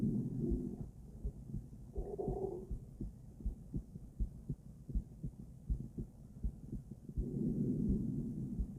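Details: Female heart auscultated with several different stethoscopes via microphone, moving Erb's point, mitral, tricuspid, aortic, then pulmonic; regular paired heartbeats about 100/min with chest-piece rubbing noise; normal heart sounds.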